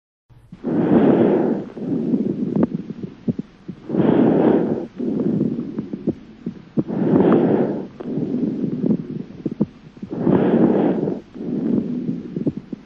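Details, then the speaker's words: Auscultation over the left lung: about 19 breaths a minute, bronchovesicular breathing with heart sounds behind, and a moderately rough creaking pleural friction rub, clearest at end of expiration. "il s'agit ici d'un frottement moyennement rugueuse qui est surtout net à la fin de l'expiration"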